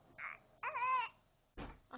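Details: Short, high-pitched crying bursts from a tired baby girl during book reading, in a quiet room; an ordinary infant cry.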